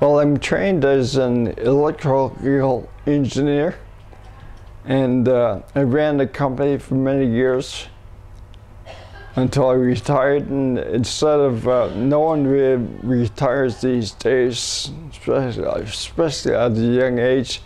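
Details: Ataxic dysarthria in a 67-year-old man first diagnosed with cerebellar ataxia, later rediagnosed with multiple system atrophy. His speech is progressively worsening and harder to understand when fatigued. No speech gain yet after umbilical cord blood stem cell treatments in China.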